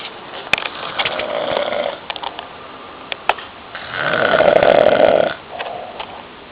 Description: my uncle snoring hella loud father's day night 2009